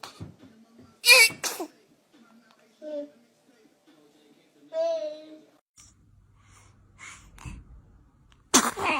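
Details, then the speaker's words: Baby's dramatic small, sharp sneezes separated by soft cooing, faint music in background; ordinary baby sneezing. "baby is a dramatic sneezer check how far they caught it"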